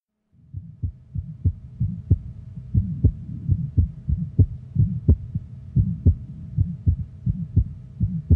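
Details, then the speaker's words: Young child: quick, regular heartbeat with a soft, low-to-medium-pitched, vibratory mid-systolic crescendo-decrescendo murmur between beats; Still's innocent murmur. "the murmur is low to medium pitched and thus best heard with the bell of the stethoscope"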